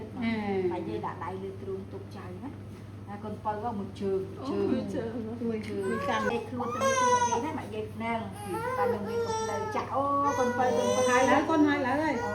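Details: Crying of a 3½-month-old baby boy after his routine vaccination: loud, rising wails while adults talk soothingly over him.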